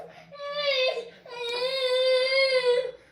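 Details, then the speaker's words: 8-year-old nonverbal, non-mobile girl with cerebral palsy crying and whining: crying/whining of a nonverbal child with cerebral palsy. "As you can hear, I got one already. She's 8 years old, nonverbal, non-mobile. Um, she has cereable pausy."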